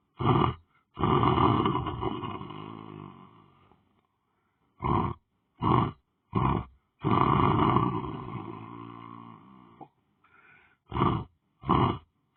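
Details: Person lying on the floor asleep: loud, deep, rumbling snores with long drawn-out breaths and shorter snorts between them, about ten a minute; snoring.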